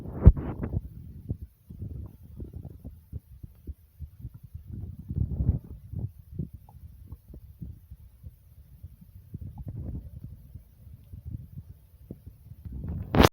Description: This is a recording of my heartbeat and stomach growling right along with it like comment subscribe and enjoy